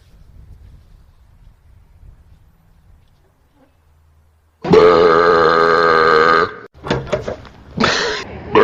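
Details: One long, loud, rumbling burp lasting about two seconds after quiet rustling, followed by shorter voiced bursts; burping.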